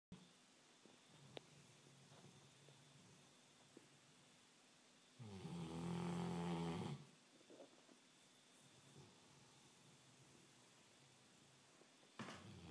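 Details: Sleeping dog: quiet room, then a single loud, rattling, low snore lasting about two seconds, with a faint start of another at the end; dog snoring.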